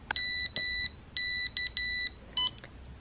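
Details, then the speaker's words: Series of high electronic beeps of varying length from a new-to-the-patient refurbished infusion pump, tested by a patient with Ehlers-Danlos syndrome (EDS), confirming the device works. "For those of you who are playing at home, I think it's time to ask the question: Will it beep?! [Cheerful beep] Thank God! It works! So far."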